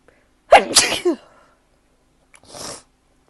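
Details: A sharp voiced sneeze with quick intake and burst, then a softer breathy exhale or sniff, after going outside at the start of spring; ordinary sneezing.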